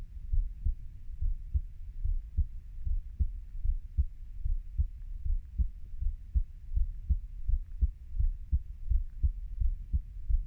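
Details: Heartbeat of a 30-year-old: steady low thumping, about 85 beats a minute, faint background hum; normal heart sounds.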